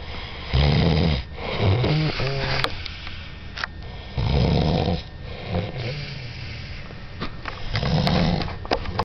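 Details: Loud, low, rattling snores at about 16 a minute, each a deep vibrating noise on the in-breath; snoring that keeps the listener awake at night.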